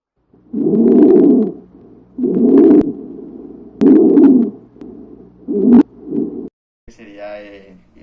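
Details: Stridor, teaching example of abnormal breath sounds on chest auscultation: loud, harsh, high-pitched whistling noise repeating with each breath, from a narrowed upper airway.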